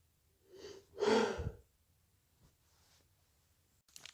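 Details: An induced sneeze while drunk: a short indrawn breath, then one loud explosive burst through the nose and mouth; a single sneeze.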